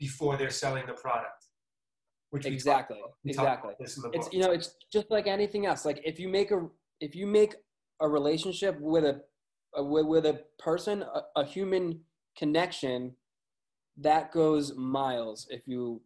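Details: Man with a lifelong stutter, with word and phrase repetitions: stuttering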